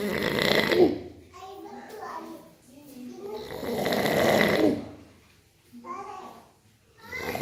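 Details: Loud, rough snoring with fluttering, rattling inhalations and breathy exhalations, in slow cycles of about three seconds.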